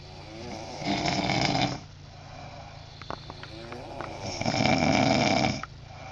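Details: Loud snoring from a person in a snoring contest: two loud, rattling snores on the in-breath with quieter breathing between them.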